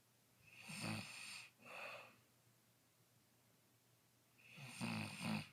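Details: Snoring recorded on day 3: rough, fluttering breath noise on each breath in a quiet room, with two breaths heard.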